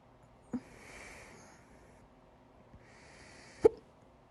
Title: 2/4/23, My Loud, Second Hiccups